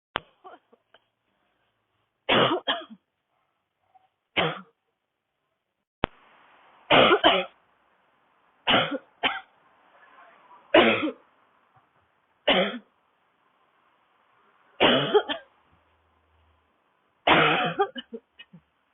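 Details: Young woman, sick, coughing while walking outdoors in cold air on a city street, with tight throat and burning chest: repeated harsh, dry coughs, some in quick pairs, a dry barking cough.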